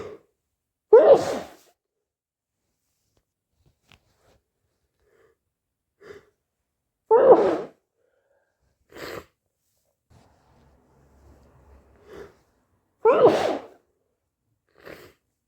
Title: cold sneezes and blows part II